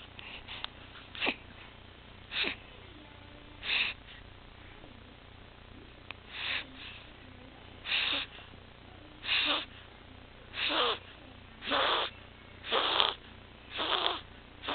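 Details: 6-week-old infant later diagnosed with laryngomalacia, tracheomalacia and micrognathia (Pierre Robin sequence), with sleep apnea and retractions, gasping and turning blue around lips; harsh noisy breaths about 50 a minute; inspiratory stridor.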